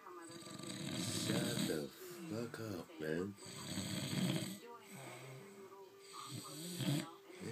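Loud, rough, rattling snores on each breath, about three cycles in the clip, with faint room talk: snoring.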